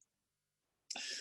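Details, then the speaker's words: Adult speaker coughing during a webinar, stating a persistent cough problem unrelated to COVID; cough. "écoutez, je vais souvent tousser, là, j'ai des problèmes de toux qui n'ont rien à voir avec la COVID."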